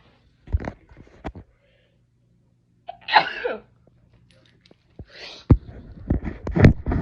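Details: Several short explosive sneezes in close succession with breathy rushes between them, in a quiet room, from a person who says they are actually sick; sneezing.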